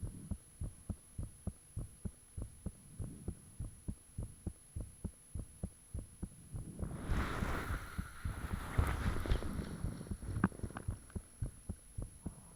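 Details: Own heartbeat recorded with the fan off, shortly after the heart began feeling really thumpy: fast, steady low thumps, briefly masked midway by a rushing noise, said to be blood rushing, then clear again; heart sounds.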